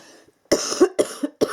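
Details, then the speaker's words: Three short, fairly dry cough bursts from an adult with a lingering cough after a recent illness with nasal blockage and trouble breathing, recovering slowly because of an underlying autoimmune disease. "coughing all the time. I'm still coughing a little bit, as you can hear."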